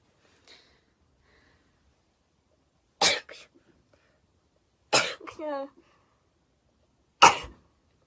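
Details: Young Japanese women sneezing repeatedly while talking: several short, sharp bursts of air, one with a brief voiced tail.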